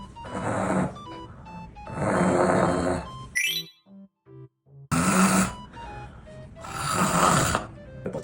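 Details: Two long, rough, rattling snore sounds on breathing in, imitated by an adult while reviewing an anti-snoring product (gauze-layered mask said to make snoring quieter), with background music playing between and under them: snoring.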